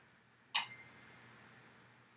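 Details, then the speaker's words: Tuning fork struck for hearing tests during a nurse's head-to-toe assessment of a female patient: a sharp metallic strike followed by a clear, high ringing tone that slowly fades, placed on the head. "take my tuning fork i'm going to hit it and i'll place it behind your ear first"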